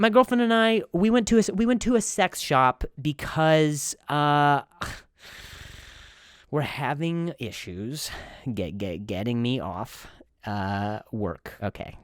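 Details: Comedian who stutters, speaking on his own show about stuttering; stuttering.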